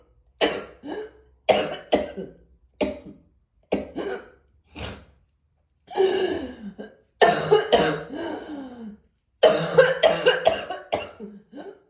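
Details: Morning cough: repeated bouts of harsh coughing and throat clearing, several coughs per bout, in a quiet room.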